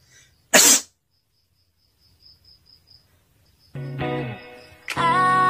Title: SNEEZE CHALLENGES/ TIKTOK COMPILATION